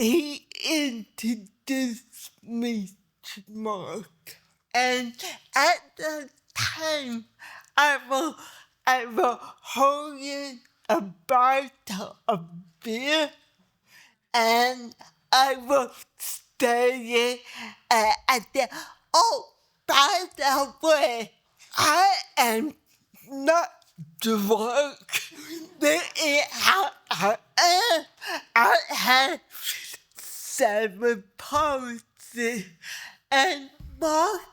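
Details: Dysarthria in a 63-year-old woman with cerebral palsy who needs help at new doctor visits so doctors understand her speech.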